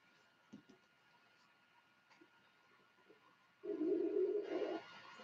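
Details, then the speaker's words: Adult's stomach growling (borborygmi) from hunger after not eating all day. "sorry guys that was my stomach hopefully you didn't hear that it's trying to tell me something says I'm hungry"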